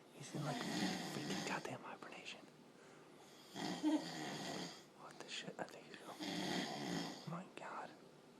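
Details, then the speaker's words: Man snoring while on vacation, said to snore like a bear and like a race-car, keeping others awake: loud, rough snores about every 3 seconds with pauses between breaths in a quiet room; snoring. "I know it's bad to make about but it snores like a goddamn bear"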